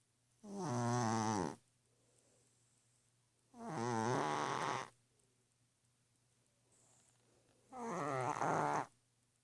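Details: Orange cat sleeping on a pillow snoring: three long, loud, rasping snores at a slow steady pace, with a faint steady hum behind.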